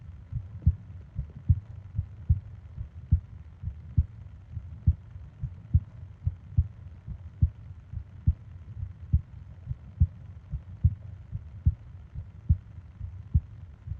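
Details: Japanese 20-minute ASMR sleep recording of heartbeat and breathing sounds: regular low thumping heartbeat at about 70 a minute with a soft background hum; normal heartbeat.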